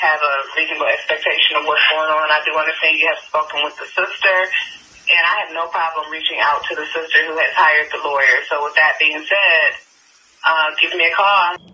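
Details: Adult speaker, recorded voicemail; Normal speech.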